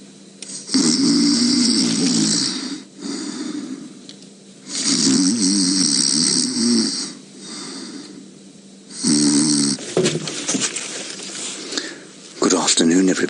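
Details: Resting lion on a game reserve, live safari recording: loud, rough snoring breaths in long rattling bursts, three main cycles with quieter breaths between; snoring.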